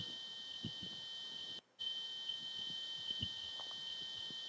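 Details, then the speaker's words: Recording of a human spontaneous otoacoustic emission, by ear against ear or sensitive microphone: two steady high-pitched pure tones over faint background hiss, with soft low thumps and gurgles from heartbeat and stomach beneath. "right so this is what the sound actually sounds like if you put your ear against another person's ear who's doing this or put a sensitive microphone in"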